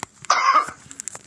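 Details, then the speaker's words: A single sharp, forceful adult cough illustrating the cough reflex clearing irritants from the airways; cough. "coughing is a sudden expulsion of air from the lungs through the epiglottis cartilage located in the throat at an amazingly fast speed"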